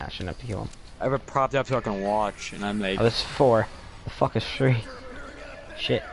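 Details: Adult male speaker; typical speech.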